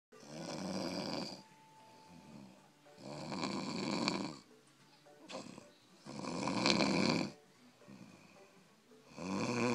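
Loud, rattling snores on each breath, about 20 a minute, with quieter breathing between them; ordinary snoring.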